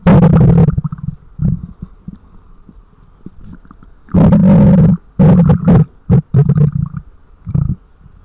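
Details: Ordinary stomach growling: loud low gurgling growls and rumbles in irregular bursts with quiet gaps; borborygmi.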